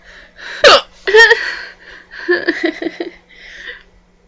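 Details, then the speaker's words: Person with loud, painful hiccups: two sharp, abrupt gulping hiccups with a voiced catch, followed by breathy laugh-like sounds. "hiccups get very unattractive hiccups the kind that are really scared when they come it hurts God I hate having eups so much"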